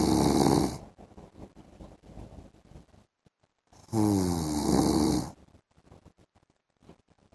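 Two loud, deep rattling snores, each followed by quieter breathing and clicks; heavy snoring during sleep.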